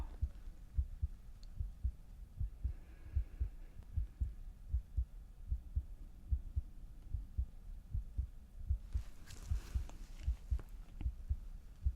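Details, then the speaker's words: Simulated ASMR roleplay pre-surgery anesthesiologist chest exam, listening during natural breathing: regular low soft thumps of a heartbeat at about 75 a minute, with faint rustling near the end; normal heart sounds. "I'm just gonna listen to your heart beating and your natural breathing."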